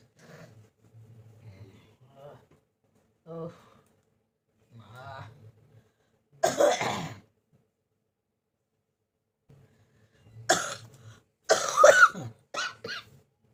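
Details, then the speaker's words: Persistent cough lasting many days, which the person blames on hot-cold weather changes and is taking medicine for: quiet throat sounds, then about four loud, harsh cough bursts in two groups. "देखो फ्रेंड्स कितना काशी हो रही है मेरा गॉड।"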